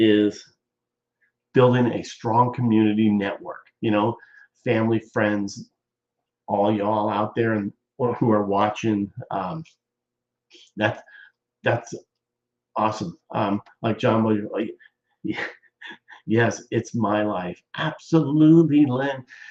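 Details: Adult male stroke survivor nearly 14 years post-stroke with ongoing speech problems, chiefly talking too fast; aphasia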